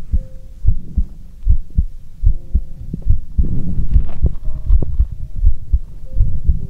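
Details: Normal heartbeat heard through a stethoscope in an ASMR livestream: low thuds at roughly 78 beats a minute with some rubbing noise.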